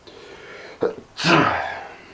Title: POLLEN ALLERGIES PLAYING UP WITH ME CAUSING BAD SNEEZING